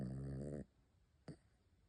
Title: Little snore bear #dog #pomeranian #funny #doglover